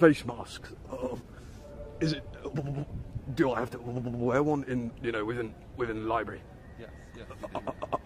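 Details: Male speaker with stuttering who has been taught stuttering therapy.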